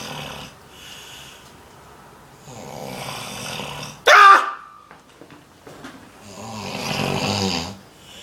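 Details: Adult man (father) snoring while asleep in a room: loud, rough breathing noises on each breath, with a brief sharp snort and quiet room noise between.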